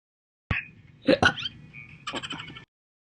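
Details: Loud hiccups, some missed recordings filled with added slow hiccups, laughter possible: sharp, sudden vocal bursts with brief gasping catches separated by pauses; hiccups.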